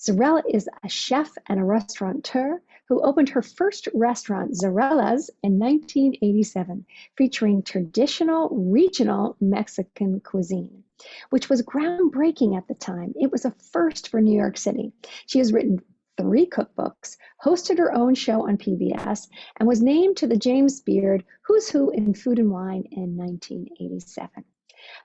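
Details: Adult woman speaking; normal speech.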